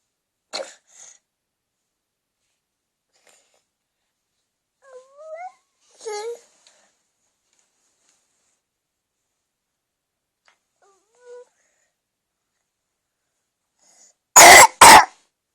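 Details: Two loud, harsh coughs from a cat after quieter chirps and faint sounds in a small room.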